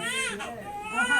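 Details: Brief, high-pitched, wavering cry of a newborn girl just after delivery, following labour on a drip for reduced fetal movement; a vigorous first cry, a normal sign.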